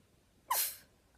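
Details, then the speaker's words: High school senior with Tourette syndrome gives a single sudden brief squeaky vocal sound with a hissy tail; vocal tic. "so when I my vocal takes her bad I just stay in the classroom"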